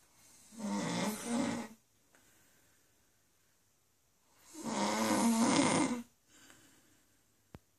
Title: My wife snoring